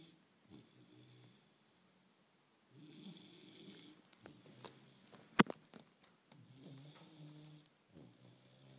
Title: bullmastiff puppy snoring 1